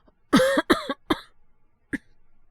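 Three quick, voiced coughs and a faint fourth, acted by a young man in a voice drama to portray a feverish cold.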